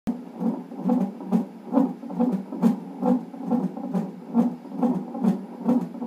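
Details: Fetal heartbeat on a non-stress test monitor in a pregnancy with polyhydramnios, with a reactive result. Regular whooshing Doppler pulses at about 140 a minute, within the normal fetal rate.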